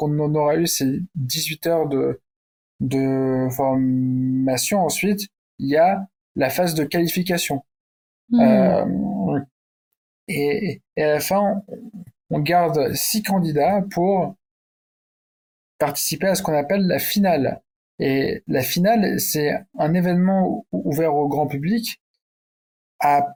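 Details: Stuttering in an adult man who stutters, speaking French.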